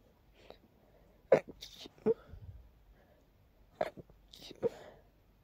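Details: Sneezing triggered by heavy dust while cleaning a long-neglected part of a room: a few soft, stifled sneezes with quiet breaths between them, including a small rapid fit.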